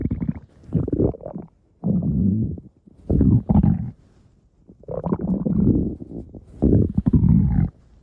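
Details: Stomach growling (ordinary borborygmi): loud, drawn-out gurgling growls in several long bursts with short pauses.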